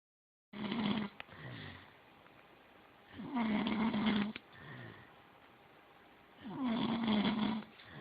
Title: snoring pt 2